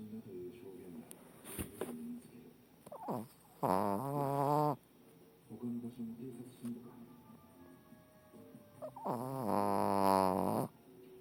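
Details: A 14-year-old female Shih Tzu dog, long a loud snorer, gives loud, buzzing snores on each breath in, roughly 11 breaths a minute, with faint background noise while sleeping; snoring.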